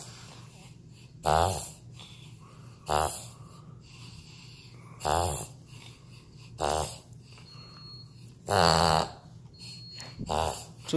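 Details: Shih Tzu puppy making repeated loud honking snorts on the in-breath: reverse sneezing, later recognized as common and not harmful.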